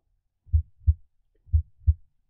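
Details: Simulated normal heart sounds on an iPax auscultation simulator, chest piece moved to the aortic point of maximal intensity: crisp first and second sounds, about 60 a minute, no murmur.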